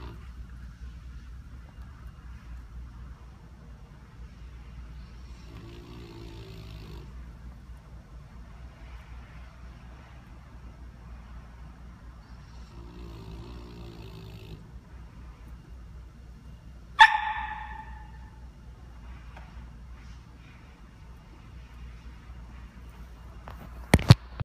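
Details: Female French bulldog, a flat-faced breed, snoring while napping at daycare: low, rattling snores over a steady background rumble.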